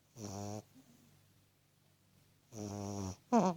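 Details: Tiny beagle puppy asleep: two soft, buzzing, nasal breaths about two seconds apart, then a brief squeak; gentle puppy snoring.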